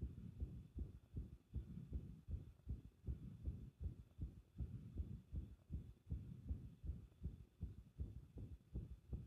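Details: Rapid, low heartbeats at roughly 150 a minute with uneven spacing between some beats; irregular heartbeat (arrhythmia).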